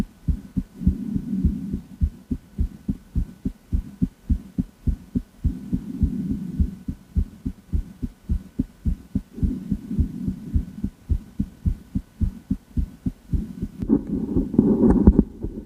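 Steady, regular lub-dub heartbeat through a stethoscope, about 70 to 80 beats a minute, with brief rustle near the end; normal heart sounds.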